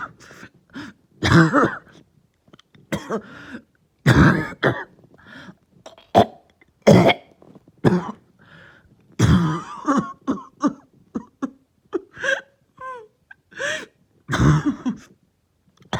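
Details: Lingering cough that started the previous night, with headache: repeated deep throat-clearing coughs with groaning voiced sounds between them, roughly twenty a minute; an ongoing cough.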